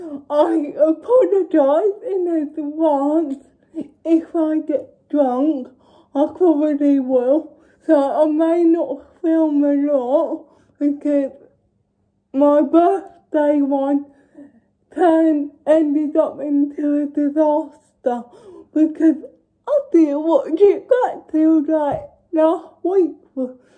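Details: Young woman with cerebral palsy: dysarthric speech (cerebral palsy)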